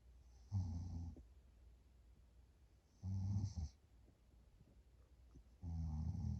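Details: Short nap by a person who reports being more tired and snoring louder: three loud, low, rattling snores on the in-breath, about 23 a minute, with quiet pauses between; heavy snoring with sleep apnea.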